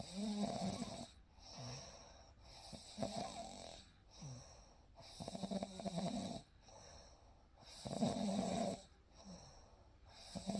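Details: Real night recording of a baby sleeping, with gentle snoring.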